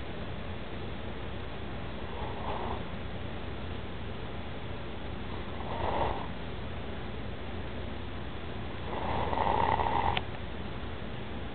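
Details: A person snoring loudly: three rough, rattling snores on breathing in, about 3.5 seconds apart, against steady background hiss; ordinary snoring.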